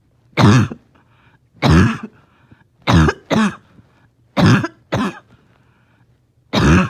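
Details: A dog in the morning, having a hard time resting, gives repeated harsh, honking coughs, some in quick pairs, about seven bursts over several seconds; barking cough.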